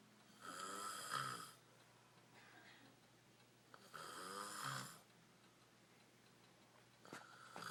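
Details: Extreme snoring: two loud, rough, rattling snores on inhalation about three seconds apart, with quieter breathing between; heavy snoring.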